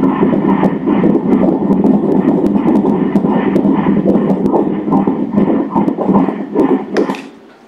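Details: Twin pregnancy at 13 weeks, fetus A heard on ultrasound Doppler: rapid, regular whooshing pulses at 150 beats per minute, a normal fetal heartbeat.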